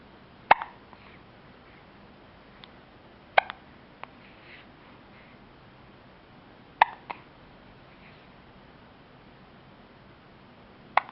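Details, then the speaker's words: Four short, sharp hiccups about every three seconds, roughly 20 a minute, each with a faint follow-up click, in a quiet room; hiccups. "do you have a hiccup? Oh."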